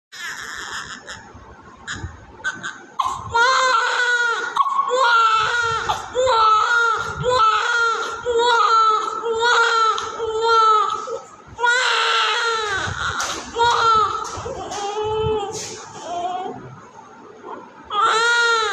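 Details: IVF-conceived newborn immediately after birth: loud, rhythmic crying in repeated bursts with brief gasping breaths between; strong, normal newborn cry.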